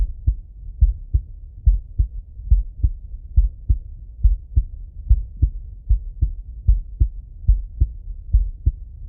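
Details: Normal heart sounds from a male, heard through a stethoscope: a steady, low lub-dub at about 70 beats a minute with a regular rhythm.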